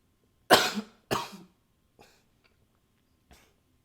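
Two strong, harsh cough bursts followed by faint breaths and small throat sounds; plain repeated coughing.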